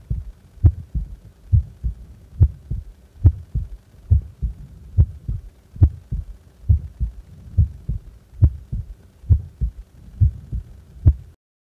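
Regular paired low thumps, lub-dub, about 69 beats a minute; a normal resting heartbeat.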